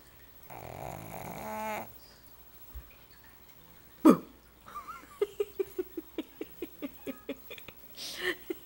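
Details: Sleeping pug snoring: short rattling snorts, then a quick run of brief nasal snuffles, typical of a flat-faced dog.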